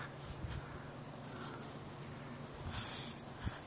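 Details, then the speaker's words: Outdoors in a garden, a small dog (pet beagle) gives a couple of short, sharp nasal sneezes while a neighbor's dog barks in the background; dog sneeze. "we've got the neighbor's dog barking and you'll hear my dog sneezing here pretty"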